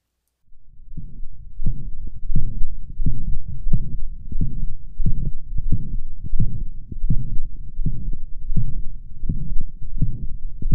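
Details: Dog with a well-compensated cardiovascular system, heart rate about 80–85 a minute: loud first sound with a steady, slightly musical holosystolic murmur of mitral regurgitation.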